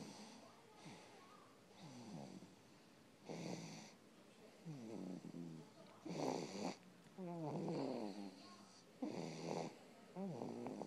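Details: Snoring from someone during sleep: repeated snorting, rattly breaths, about 40 a minute, with fluttering noise on the in-breath.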